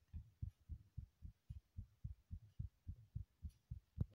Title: heartbeat sounds (remake)